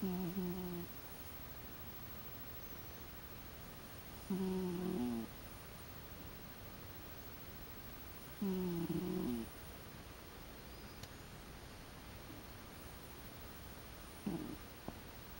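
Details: Sleeping cat lightly snoring: soft, regular snoring, each breath a short low rasp roughly every four seconds, over steady room noise; snoring.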